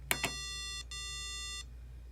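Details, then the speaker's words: Pitch discrimination hearing test from a student project: two clicks, then two steady pure tones close in pitch, drawn from 392 Hz and 394.5 Hz, which the listener judges as different. "and i'm going to say that those were different frequencies and that the second one played was 394.5 hertz so i'm going to click rb1 to see if i got it right or wrong"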